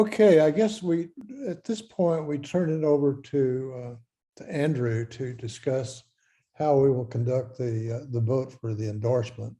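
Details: Adult male speaker; Normal speech.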